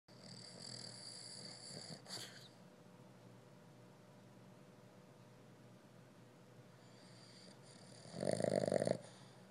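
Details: Sleeping Boston Terrier snoring: a soft rattling snore early on, then a louder snorting snore near the end.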